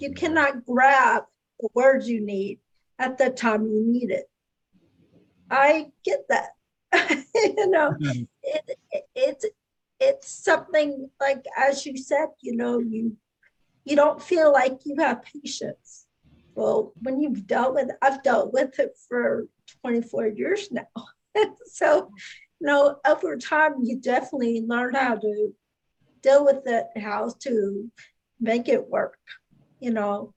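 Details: Adult speaker; no speech disorder.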